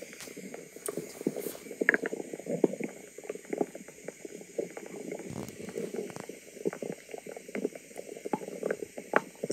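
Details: Soft, continuous gurgling and bubbling with irregular pops and low growls from a woman's noisy tummy; ordinary stomach rumbling (borborygmi).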